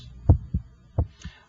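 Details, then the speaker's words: Electronic stethoscope at the apical position, timed against the radial pulse: normal first and second heart sounds, with the first heart sound louder at the apex. "the first hot sound should have a louder quality in this papacal position I'm just interested in listening to the first and second heart sounds"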